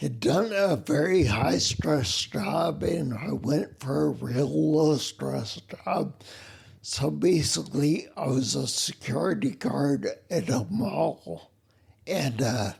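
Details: Adult man with spinocerebellar ataxia of unknown type, a rare neuromuscular disease; slurring began around 1999 (about age 39), sounds drunk, trouble speaking clearly on phone; uses wheelchair; ataxic dysarthria.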